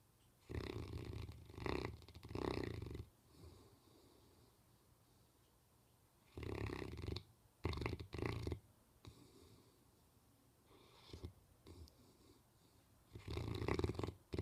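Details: Dog snoring and dreaming during sleep: loud, rough snoring breaths in clusters, some with snorting catches, separated by quiet pauses.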